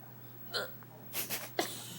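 Several brief, abrupt vocal catches about half a second apart, with steady low room hum: hiccups, involuntary diaphragm spasms with sudden glottal closure.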